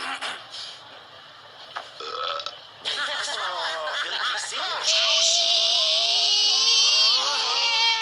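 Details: Several drawn-out, gurgling belches with a rising and falling voiced tone, made playfully by dinosaurs in a burping contest; comic burping.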